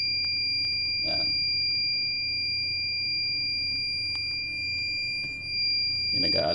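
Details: Phoenix resuscitator during a repair of its power supply board after a no-power fault: a continuous high-pitched alarm tone with brief clicks and room noise.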